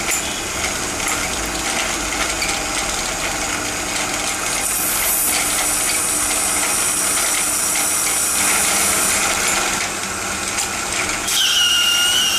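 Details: Dental surgical instrument noise during removal of a failed root-canal-treated tooth and immediate implant placement: continuous high whine, drill pitch rising near the end, and metallic clinks.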